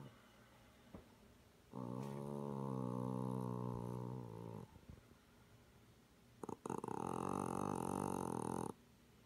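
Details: A sleeping cat makes two long, droning, buzzy breaths, each lasting a few seconds; tonal snoring in a cat.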